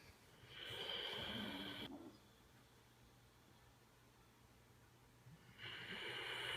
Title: Snoring dog